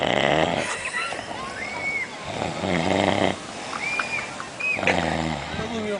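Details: Man asleep at Praia Grande on 31 December 2007, snoring heavily: repeated deep, rattling snores with loud background talk and outdoor noise; snoring during sleep.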